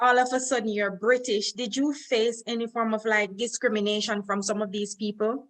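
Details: Adult woman, interviewer; Normal speech.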